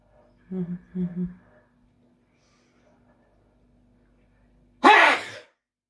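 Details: Soft murmured sounds in a quiet room during morning coffee, then a single sharp sneeze burst.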